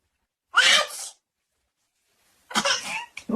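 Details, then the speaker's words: Adult man (a dad) giving a single loud, forceful sneeze with a sharp hissing burst, then after a pause the start of another sneeze-like burst, done for giggling babies. "OH MY GOSH, THAT WAS HUGE. ACHOO! Bless me."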